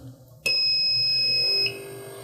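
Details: Steady high-pitched electronic tone lasting about a second as an AirSep Focus portable oxygen concentrator is switched on after its battery is connected; this is normal, and its lights blink until ready. Oxygen concentrator start-up alarm.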